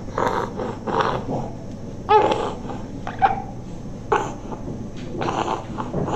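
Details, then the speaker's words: Child with noisy breathing possibly since birth, suspected congenital airway issue masquerading as asthma that does not respond to treatment; harsh, rattly, growl-like noise with each breath at about 55 breaths a minute, with occasional squeaky catches. "okay so this child has a noisy breathing and this is possibly since birth so we are possibly dealing with some congenital issue"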